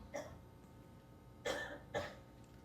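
Three short, sharp cough bursts from an adult man, the later two close together, over faint room hum; an ordinary cough or throat clearing.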